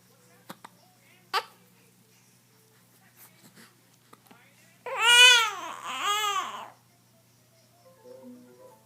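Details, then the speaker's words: Hiccups in a 7-week-old infant girl: a few sharp brief hiccup squeaks, then a short wailing cry. "I watching Sesame Street and the hiccups just came on and all the hiccups the hiccups they won't go away no they won't go away"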